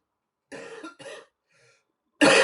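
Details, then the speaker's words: An adult with a lingering cough that is not completely gone: two short coughs, a faint pause, then a louder cough. "occasionally I still get the um the coughs because it's not completely gone as you can hear"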